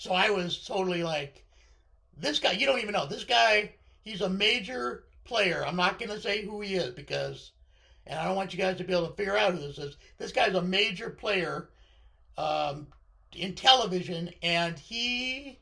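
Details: Voice change in a male speaker from unilateral left-sided vocal fold paralysis following surgery, with limited voice control.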